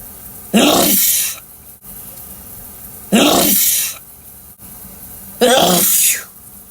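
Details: Intense loud sneezing in the shower: three forceful sneezes about two and a half seconds apart over steady running water.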